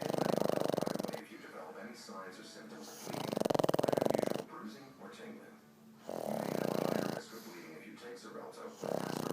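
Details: Ongoing snoring during sleep: loud fluttering snores on each in-breath, about six to seven breaths a minute, with softer wheezy sounds between.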